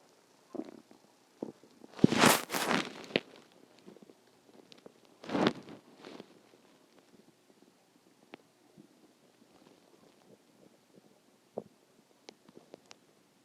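Gurgling, rumbling bursts with scattered small pops and squeaks from the belly; ordinary stomach growling from moving gas and fluid.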